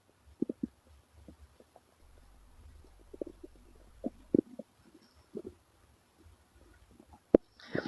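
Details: Male stomach growling (borborygmi): irregular gurgling and rumbling bursts from the belly as gas and fluid move through the gut.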